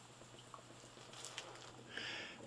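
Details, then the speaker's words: Original bubble CPAP setup for a baby's nasal prongs, exhalation tube 4 cm below the water surface in a bottle of sterile water giving 4 cm water pressure: steady bubbling of gas through water. "and here we can see the bubbling is four CM below the surface of the water 4 cm of water pressure that's the simplest concept of CPAP"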